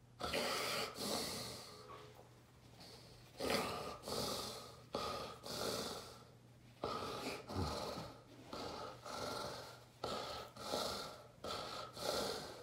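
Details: Adult man during a full generalized tonic-clonic (grand mal) seizure preceded by a déjà vu aura, recovery drug missed: loud, rhythmic stertorous snoring and gasping breaths with snorting catches.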